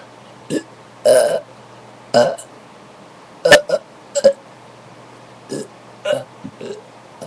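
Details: About ten loud, throaty burps of varying length in quick succession, recorded in a bathroom after drinking soda; repeated belching.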